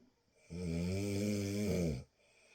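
A single long, deep, droning snore lasting about one and a half seconds, low and buzzing, typical of heavy snoring.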